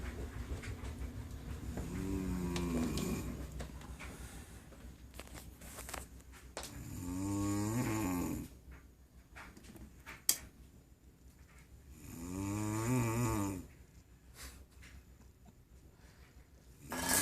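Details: Adult woman asleep: long, loud, droning snores on each breath in, about three in the clip, with quiet pauses between; ordinary snoring.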